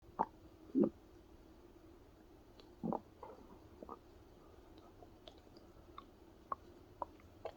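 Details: Adult man's stomach growling (borborygmi), sounds possibly heightened by pressing on the belly: scattered soft gurgles and squelches with a few brief bursts over several seconds in a quiet room.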